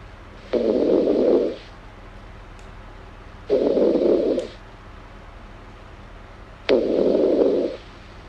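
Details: Female snoring in an ASMR recording: three slow, noisy inhaled snores, about 20 per minute, each roughly a second long, with quiet gaps between.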